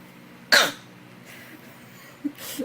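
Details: Baby pretending to have a cough to get his mother's attention: one short, forced cough, then a softer breathy cough-like sound; pretend cough.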